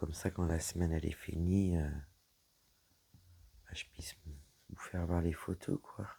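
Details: Woman whose vocal cords were damaged by a serious health problem; her voice is deeper than before, at times she has little voice, and she cannot speak loudly; dysphonia from vocal fold damage.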